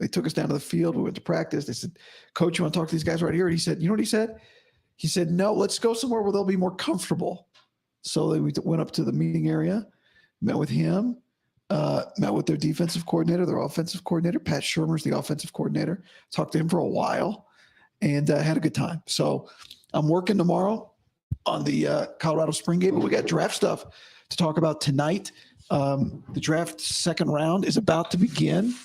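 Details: Adult man, about five to five and a half weeks after vocal fold surgery; he reports daily improvement, though today likely unchanged from yesterday after heavy voice use and no sleep. Dysphonia after vocal fold surgery.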